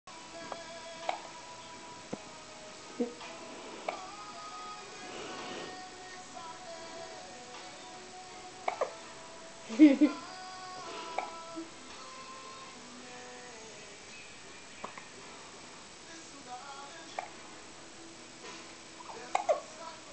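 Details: Hiccups in a 2-week-old baby: repeated short, abrupt hiccup sounds every second or two over background music; the hiccups then stop.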